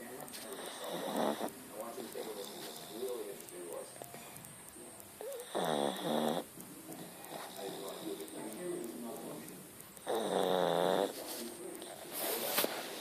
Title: Snoring Pancho